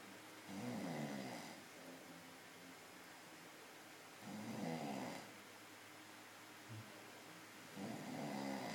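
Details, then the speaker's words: Loud snoring from a sleeper: rattling snores on each breath in, about three in nine seconds (roughly 16 a minute), with quiet room noise between them. "snoring his heart out. He's really going for it."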